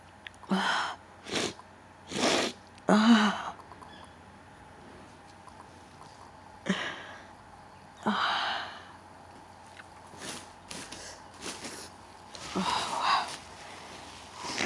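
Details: Very powerful, wet sneezing: a run of roughly seven forceful bursts, some preceded by a gasping intake, separated by quiet pauses.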